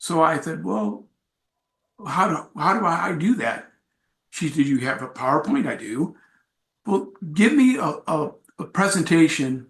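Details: Adult man with aphasia acquired after a traumatic brain injury from a bike accident without a helmet, followed by about a month in a coma; about four and a half years post injury, presenting at an aphasia support group.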